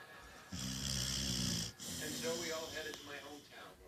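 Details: Pit bull snoring in sleep: a loud, buzzing snore followed by a higher, whistling, squeaky breath sound.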